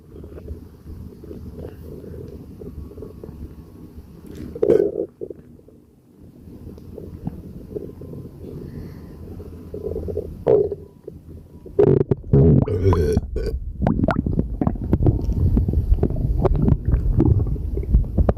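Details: Low gurgling abdominal rumbles with several louder bursts and belching, borborygmi with eructation from a gassy stomachache.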